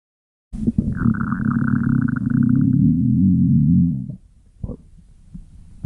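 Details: Loud stomach growling (borborygmi).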